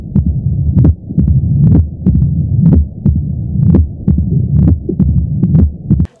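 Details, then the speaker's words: Mitral stenosis murmur heard through a stethoscope: sharp heart sounds at about 65 a minute with a low rumbling murmur between beats. "给大家感受一下听诊器里的声音。这是二尖瓣"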